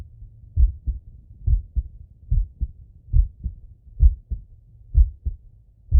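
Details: Steady, clear, regular lub-dub male heartbeat at about 63 beats a minute on stethoscope auscultation, with faint breathing behind; normal heart sounds.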